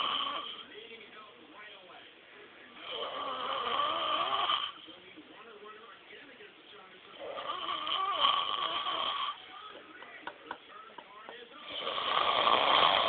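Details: Someone snoring: loud rattling snores on breathing in, alternating with quieter breathing out, about four snores in the clip; ordinary snoring.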